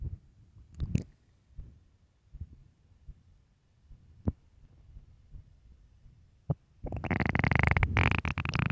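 Low gurgles and rumbles building to a long, loud growl; ordinary hunger stomach noises.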